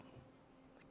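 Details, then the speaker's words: Faint, steady low mechanical hum of constant pitch from a continuous-flow left ventricular assist device pump (possibly HeartMate 2) in a patient; a ventilator may also contribute. This device is described as making a loud humming sound. "don't know if that's the ventilator higher ventilation humming or you can hear our device humming over here the problem is this device makes a loud humming sound"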